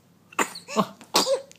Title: sneezing - Jan 2013